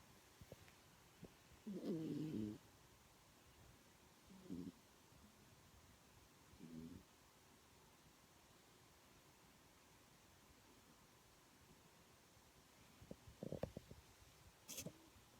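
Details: Sleeping Yorkshire terrier snoring: soft, irregular snorting snores against steady room hiss; light snoring.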